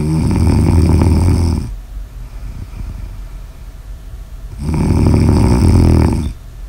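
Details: Two loud, low, rattling snores on the in-breath with quiet breathing between them; ordinary snoring recorded for ASMR.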